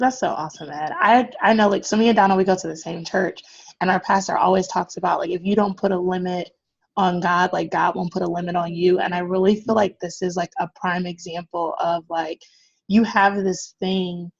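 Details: Adult woman speaking; normal speech.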